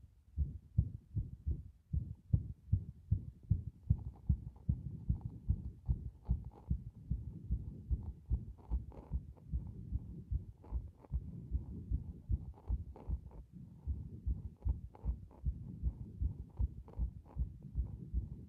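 Rapid heartbeat thumps with uneven spacing, some beats early and some pauses, irregular rhythm from frequent arrhythmia.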